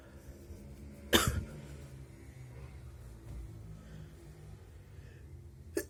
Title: explosive wet sneezes!